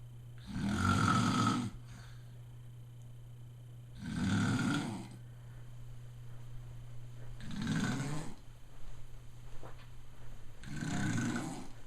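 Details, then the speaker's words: A dad snoring, loud enough to be heard from another room, with family suggesting a sleep study: four loud rumbling snores about every 3.5 seconds, roughly 18 breaths a minute, over steady room hum; heavy adult snoring. "Is the snoring too loud for you, Chloe? Oh, Chloe? Can't handle the snoring?"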